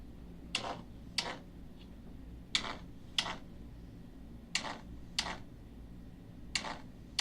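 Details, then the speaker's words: Normal heart sounds demonstrated by a cardiologist: paired two-part beats at about 60 per minute with faint room hiss, played for comparison with atrial fibrillation. "Eu vou mostrar para você como fica um coração normal. Vou aumentar o som aqui. A batida de um coração normal. A batida do coração normal, aqui, ó."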